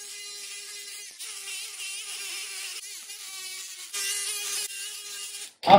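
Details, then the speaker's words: High whining buzz of an oscillating bone saw cutting bone in bursts. These are the final femoral cuts through a 4-in-1 cutting block pinned to the femur, in a ROSA robotic total knee replacement for a severely varus knee in an adult male. "The 4-in-1 block is positioned accurately on the femur and secured with two oblique pins. We perform the final cuts."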